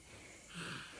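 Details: Newborn baby: a single soft, abrupt catching breath over quiet room noise. Hiccup.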